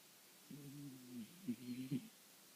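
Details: Snoring.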